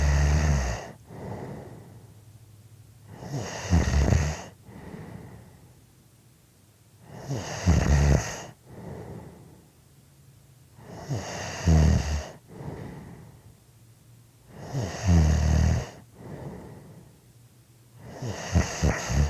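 Rhythmic low rattling snores on each in-breath with softer out-breaths, about 16 breaths a minute.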